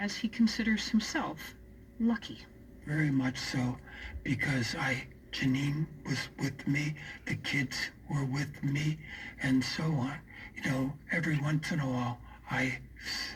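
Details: Man with aphasia after a stroke, still in recovery and coaxing words out; aphasia.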